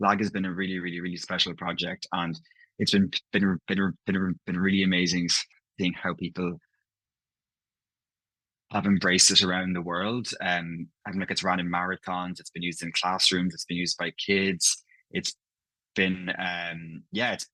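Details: Adult male who describes himself as a person who stammers, speaking on stammering pride and dysfluent art; stuttering (stammering) with repetitions, e.g. a word repeated four times.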